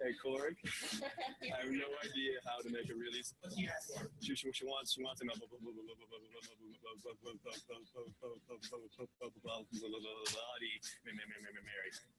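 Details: Stuttering: a man working his first day as a bartender at a restaurant; stuttering.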